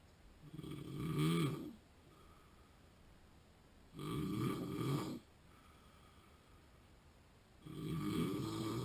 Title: Sleep Apnea Snoring Vlog 48